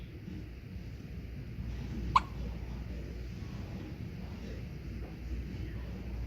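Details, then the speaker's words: Sleepy infant girl with hiccups while drowsing: a single soft, sharp hiccup over quiet room hum. "Look, she's got the hiccups."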